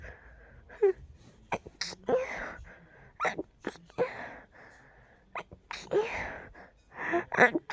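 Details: Stifled sneezing, deliberately kept as quiet as possible and held in only briefly: a run of muffled, held-back sneezes with sharp catches and breathy rushes.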